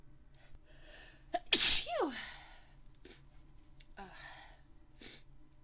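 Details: Woman's sneeze induced by a candle that makes her sneeze: single loud, explosive sneeze with a brief sharp intake before, falling voiced tail, then quiet breathing and soft sniffs.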